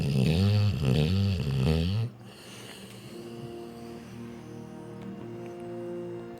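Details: Snoring while asleep with the tongue out.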